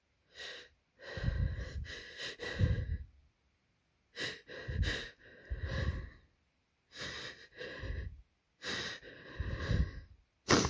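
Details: Pre-sneeze breath hitching during a cold, with a tickly nose and twitching: repeated short catching inhalations in clusters, no full sneeze released; stuck sneezes that keep failing to come.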